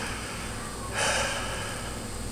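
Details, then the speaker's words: Adult male sleep apnea patient at two-week follow-up, wearing a Moses oral appliance that moves the lower jaw down and forward, breathes on request: a single soft, smooth breath without snoring rumble or flutter. "what you'll hear at night now instead of snoring and you can see it gives the airway plenty of room gives the tongue plenty of space here"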